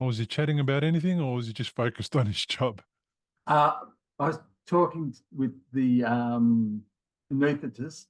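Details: Adult male speaker; normal speech.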